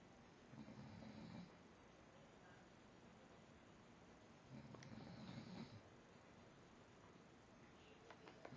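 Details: Light snoring: two soft, low, rattling breaths about four seconds apart, quiet against steady room noise.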